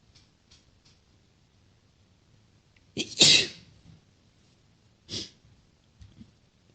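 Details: Sneezes: a sharp, forceful sneeze preceded by a quick intake of breath, then a second smaller sneeze a couple of seconds later.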